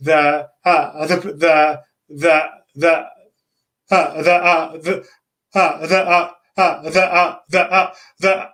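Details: Adult man, a self-described person who stutters, with stuttering; repetitions and long pauses.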